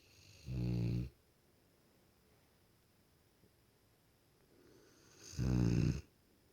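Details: Cane Corso, female, snoring while asleep: two loud, deep, rattling snores about five seconds apart, separated by quiet breathing; heavy snoring.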